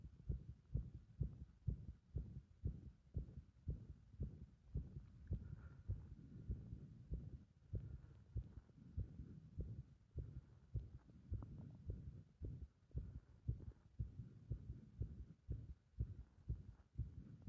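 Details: Heart sounds with the rhythm disturbed by pressure (compression) on the chest: low thumps at uneven intervals, some closely spaced and some with pauses; irregular heart rhythm.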